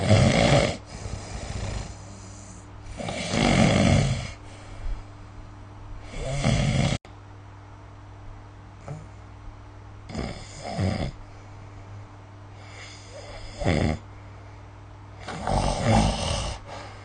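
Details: Snoring recorded with the SnoreLab app: loud, rough snores on each breath in, about 5 in 17 seconds, with quieter breathing between and a low steady hum in the room.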